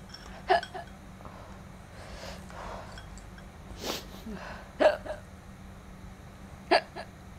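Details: Girl hiccupping while eating spicy food and saying her lips burn from chili: three sharp, sudden gulping hiccups over a few seconds against quiet room noise.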